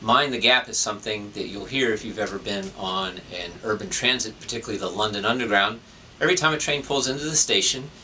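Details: Adult man speaking; ordinary speech.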